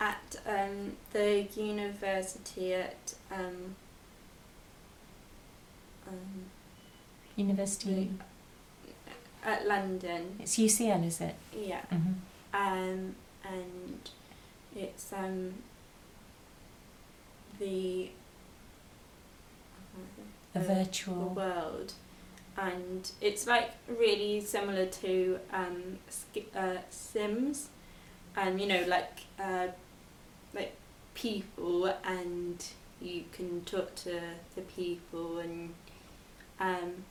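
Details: Expressive aphasia in a 22-year-old woman after a stroke at age 18, four years earlier; speech improved, reading, writing and numbers still difficult; expressive aphasia.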